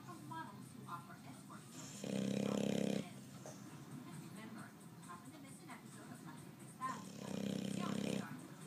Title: Snoring boxer